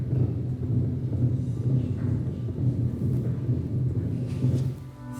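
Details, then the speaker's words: Heart murmur in a pet dog or cat heard through a stethoscope: low, regular heart thumps with a continuous whooshing filling the gaps between beats, caused by abnormal blood flow through the heart. "This sound is called a heart murmur. Heart murmurs are caused by abnormal blood flow through the heart, they can be present at birth in which case they're called congenital murmurs."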